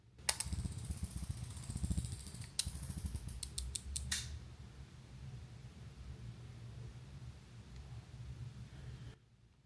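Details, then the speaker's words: Saxenda (liraglutide) injection pen, fourth injection after switching from Wegovy: needle inserted in cleaned skin, then sharp mechanical clicks, a quick run near the end, as the dose is delivered, then quiet room noise. "so I've pushed the needle in now I'm going to push in this and you're going to hear the clicking"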